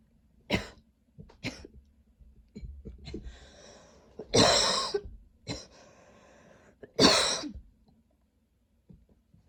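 Repeated coughs, several harsh and forceful, some with throat clearing between them, forming an ongoing coughing spell.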